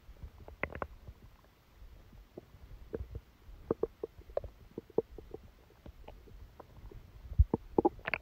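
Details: Active bowel sounds with frequent gurgles and brief bubbling rumbles over a quiet background, recorded from the belly while sleeping with a stomachache that began after Christmas dinner.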